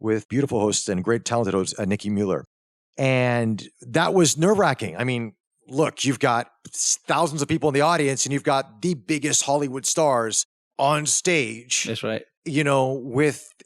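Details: Adult male speaker; Normal conversational speech.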